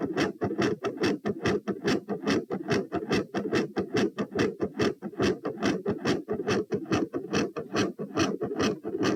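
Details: Heart sounds recorded at position P while standing: fast rate with a quiet S1 and a loud S2, i.e. tachycardia with quiet S1 and loud S2.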